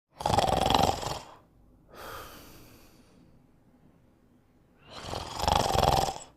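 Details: A sleeping dog snoring: two loud, rattling snores on the in-breath, each followed by a softer breathy exhale, at about 13 breaths a minute.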